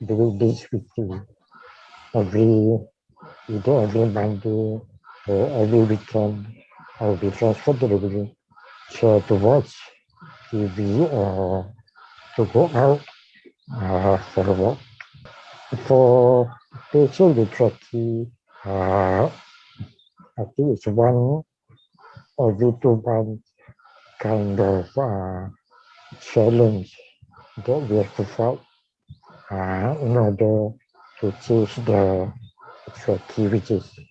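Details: Dysarthria with tracheostomy leak speech in a man with ALS/motor neuron disease diagnosed in 2018, tracheostomised late the previous year and speaking around the tracheostomy while on a ventilator, needing suctioning between talking.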